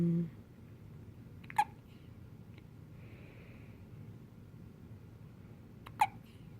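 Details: Newborn girl with hiccups: two sharp, brief hiccup sounds about four seconds apart over quiet low room hum, ordinary infant hiccups.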